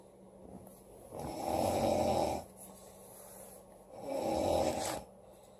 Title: Loud girl snoring August 7 2017